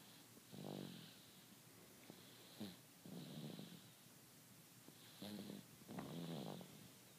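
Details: Sleeping dog snoring: soft rattling snores with a hissy breath between them, about 22 a minute.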